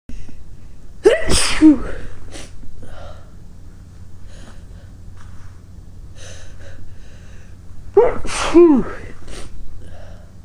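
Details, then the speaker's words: Two loud induced sneezes, each with a sharp indrawn breath and a forceful burst, set off by tickling the nose with a basil plant tip and caught in a handkerchief. "today I'm using a silk of a Bassel plant and I'm trying to catch the sneezes in a big gray hanky with some stripes on"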